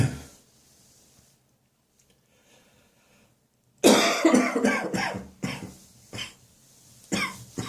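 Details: Recurrent morning catarrh cough in summer in someone prone to chest infections: after a quiet pause, a run of about five harsh, rattling coughs with throat clearing; a wet, phlegmy, productive cough.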